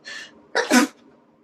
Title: (REUPLOAD) Beautiful Taiwanese girl induced sneeze from swab test 2